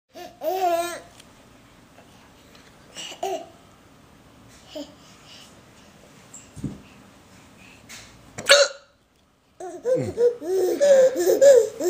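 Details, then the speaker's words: Father with hiccups: several brief, abrupt hiccup sounds at irregular intervals in a quiet room while a baby babbles and laughs. "Oh. Daddy's got the hiccups."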